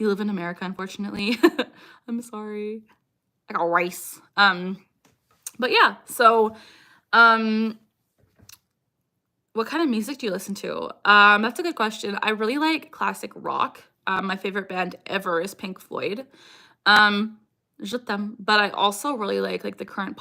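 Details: Young woman with Tourette syndrome; recurring vocal tic phrase picked up from an ex-boyfriend and persisting for years; Tourette syndrome vocal tic.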